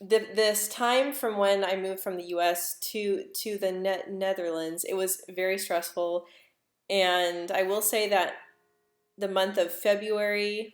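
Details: Adult woman who stutters, speaking English live; she reports stuttering more when stressed, insecure or nervous, with jaw and tongue tension; stuttering.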